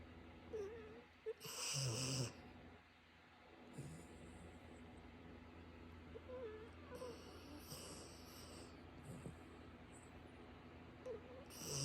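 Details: A dog snoring while asleep: faint, rough snoring breaths against steady room noise.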